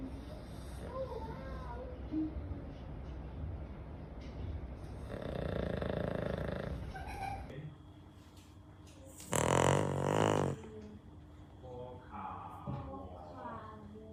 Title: OMG how loud My dog's snoring sound